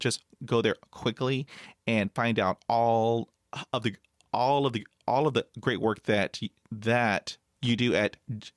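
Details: Stuttering in the adult male podcast host, with audible word and phrase repetitions.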